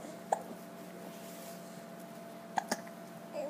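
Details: Hiccups in an infant that come on when he smiles and laughs: three brief, abrupt hiccup sounds over about three seconds against quiet room hum; ordinary infant hiccups.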